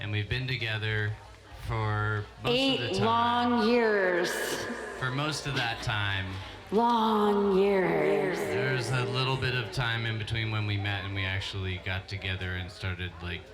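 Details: Adult speaker; normal voice.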